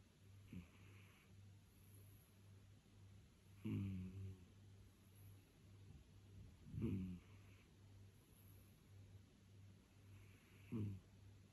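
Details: Sleeping cat: soft, rattling snores with a faint hum between them, about one every three to four seconds: snoring.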